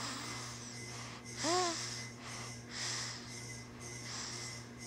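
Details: Sleeping subject snoring: noisy rhythmic breaths about every second and a half, one carrying a brief whistle, with faint background hum.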